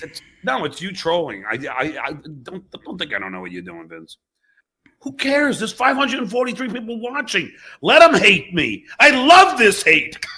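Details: Adult male comedian who has stuttered since childhood; stuttering.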